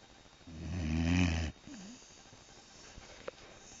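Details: 8-month-old dog asleep: one loud, deep, buzzing snore on the in-breath, then quiet breathing; snoring.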